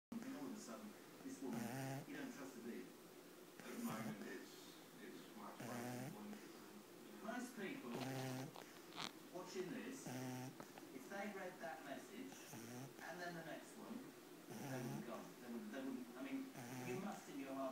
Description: Chloe my three month old pug snoring. Cutest thing ever